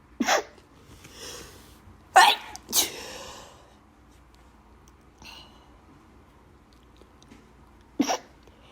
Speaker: Allergies really bad. I have to blow up nose.